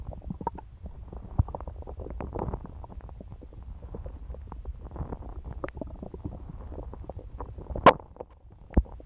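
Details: Gurgling and popping bowel sounds (borborygmi) with a few louder pops, stomach rumbling after eating pizza; normal digestive sounds.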